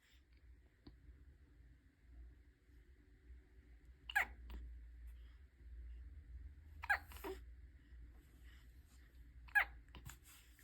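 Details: Three brief, sharp hiccup-like catches about every three seconds over a low background hum; repeated hiccups, though the title speaks of burps.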